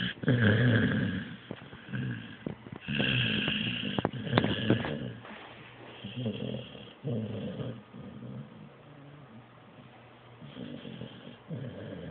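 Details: Blue nose pit bull asleep after a long day, snoring with deep, rough snorts in irregular bursts and snuffling between them.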